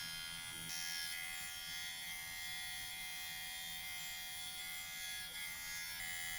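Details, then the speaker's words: Dr. Pen electric microneedling pen at home on the face, 0.25 mm depth (lowest) and slowest speed: steady high-pitched electric buzzing with small pitch shifts as it moves over the skin; microneedling pen motor. "it's the slowest Revolution and I'm just going to run it across my skin actually that's not so bad"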